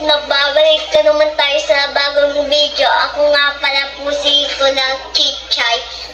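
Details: Young girl who is described as still mispronouncing words, saying her own name with l in place of r; speech sound disorder (r-to-l substitution).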